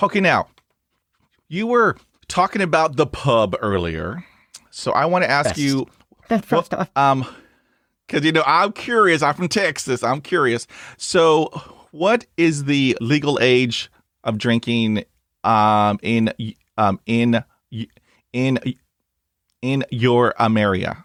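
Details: Adult male speaker; conversational speech.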